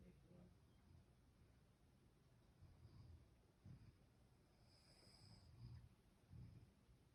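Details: A dog in deep sleep lying upside down gives soft, low snorting snores, roughly 20 per minute, over faint room noise; light snoring.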